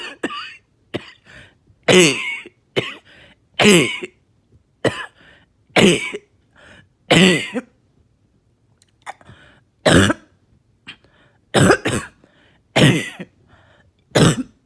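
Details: Long coughing fit after taking medication, repeated wet, rattling coughs with throat clearing, thick mucus audibly loosening; productive cough.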